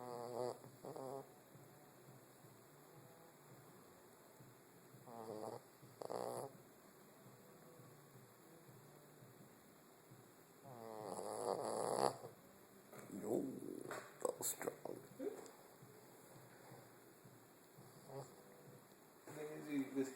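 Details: Snoring, likely from a sleeping cat: irregular rough, fluttering breaths, several snorts in twenty seconds with quiet gaps between.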